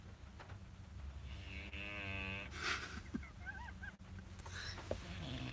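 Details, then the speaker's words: A dog sleeping after a lazy, rainy day gives a drawn-out, humming, groan-like snore with a few faint squeaky whistles over steady room noise. "Can you hear Disco snoring?"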